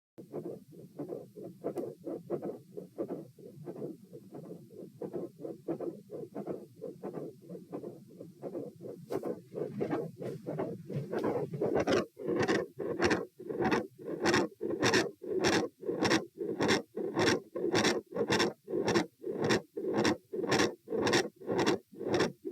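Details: Heart sounds recorded at the aortic area, supine, then standing, then supine: regular beats start quiet (low pressure supine), then become much louder and sharper (high pressure standing) with the posture change; heart sounds changing loudness with posture.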